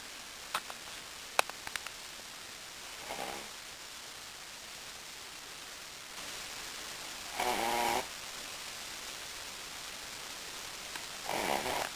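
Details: Wilbur, a small flat-faced Brussels Griffon dog, asleep in his favorite position: soft, rough snorts at intervals in a quiet room; snoring.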